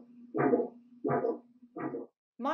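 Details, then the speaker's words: Arterial Doppler recording: rhythmic pulsing whooshes at about 85 a minute, a biphasic flow pattern with one diastolic phase lost, which can be normal or indicate calcification or mild to moderate disease. "in biphasic flow there is a loss of either of the diastolic phases biphasic flow can be normal or indicate calcification or mild to moderate disease biphasic flow sounds like"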